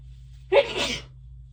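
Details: Induced sneezing, very itchy and tickly, with watery eyes and light-headedness, many hitches and false starts: a single sharp sneeze with a quick breath-in catch before it, over a steady low hum.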